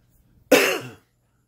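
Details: Single harsh, rough half-second cough, gravelly toward the end, from an adult long-term cigarette smoker since age 8 who says they were told they have chronic emphysema.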